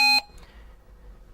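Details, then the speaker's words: Hamilton T1 ventilator alarm: a single brief high electronic beep, then quiet room noise. The alarm panel is shown on screen with a red lamp on top of the ventilator. "okay so now that we're up and running you can see our alarm panel is in the upper left-hand corner of the screen it's accompanied by a red lamp on top of the ventilator"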